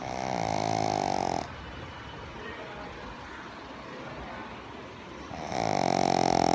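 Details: Sleeping pug (small flat-faced dog) in deep sleep, snoring heavily: loud, rough, buzzing snore on each breath with quiet stretches between breaths.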